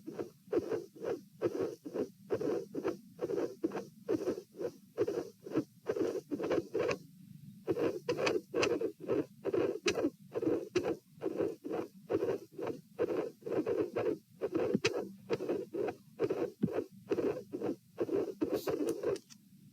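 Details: Heart sounds at the pulmonary area (position P), patient sitting, dilated aortic root: uneven rhythm at roughly 60–70 a minute, with early beats and a pause after one; irregular rhythm with premature atrial and ventricular contractions.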